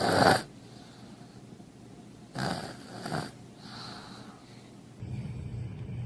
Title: Listen How Loud They Snore | Cute Babies Who Snore Louder Than Dad | Cute Babies TV 👶 032